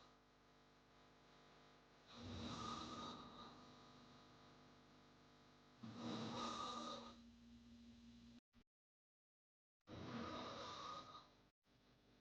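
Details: Snoring sound-effect recording: heavy, rasping snores about every four seconds, roughly 15 a minute, with one sudden silence; hard snoring.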